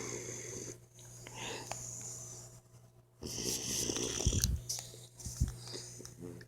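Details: Sleeping Boxer puppy snoring super loud: irregular rasping snores and snorts over a low steady hum.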